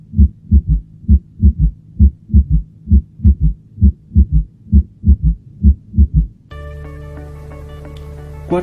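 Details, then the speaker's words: Fourth heart sound (S4 gallop) at about 66 beats a minute: regular low heart sounds in a three-beat galloping pattern with a soft extra sound before the first; S4 described as always indicating pathology. Music follows. "el cuarto ruido cardíaco lo consideraremos en la operación al siempre indicador de patología"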